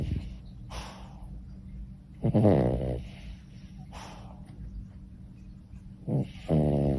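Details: Sleeping Pomeranian-Chihuahua dog: rhythmic snoring with low rumbling, snorting breaths about every two seconds over a background hum; snoring.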